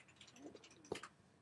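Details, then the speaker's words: Stomach growling from a podcast host, picked up during recording; borborygmi. "you hear that? That's my stomach."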